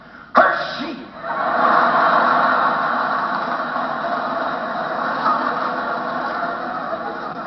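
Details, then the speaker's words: One sharp, explosive sneeze imitated by a comic performer on stage, followed by sustained crowd noise; simulated sneeze. "Then you have the Japanese sneeze, the Shogun sneeze."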